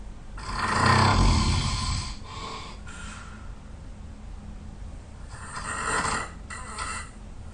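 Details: Loud, rough, rattling snores on each in-breath with quieter breaths between, from a sleeper who was very tired; heavy snoring.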